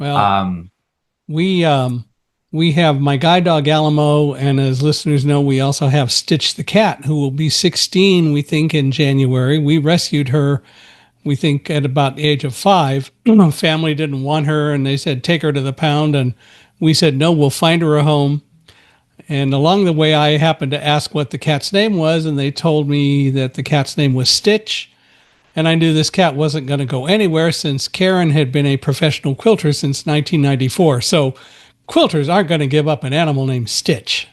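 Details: Adult man; typical speech.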